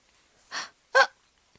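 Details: Baby with hiccups during peekaboo play: two brief, abrupt catching sounds in the breath about half a second apart.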